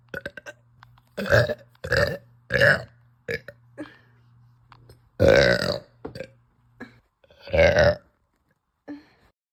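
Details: Repeated uncontrollable belching with nausea in a bloated woman after eating pasta, who cries for help: about six short burps in quick succession with soft gulping sounds between.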